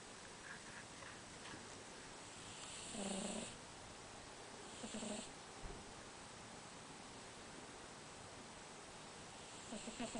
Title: My Cat Snoring